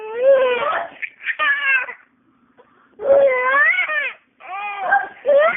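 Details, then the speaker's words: Baby who had been laughing at someone sneezing then cries: rising and falling high-pitched wails in three bursts with short pauses between; infant cry. "are you crying and laughing at the same time are what happened you're not you're not you're not laughing anymore what happened baby"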